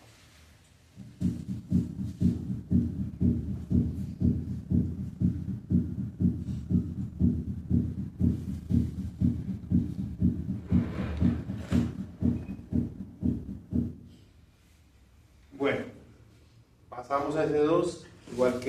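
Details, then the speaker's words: Physiological splitting of the second heart sound at the heart base, first at 60 then 120 beats per minute, single on expiration and split on inspiration, rarely detected in dogs and cats. "escuchemos ahora el desdoblamiento fisiológico de s2 en la base del corazón como se ilustra en la figura 10 primero a 60 latidos por minuto"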